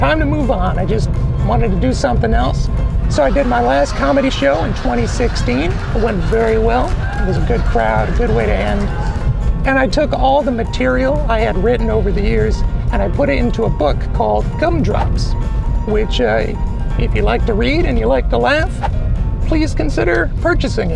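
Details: Adult man with persistently high-pitched voice, no treatment chosen; mutational falsetto (puberphonia).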